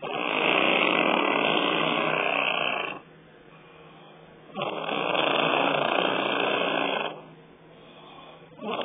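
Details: Long, loud, wet rattling snores likened to a wet fart, about two breaths each lasting around three seconds with quiet gaps between; heavy snoring.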